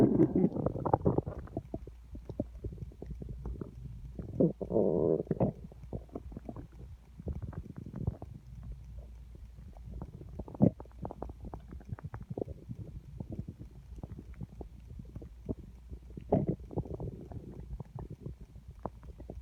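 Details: Loud gurgling and rumbling bursts from an empty stomach, felt rumbling against the hand on the belly: stomach growling (borborygmi).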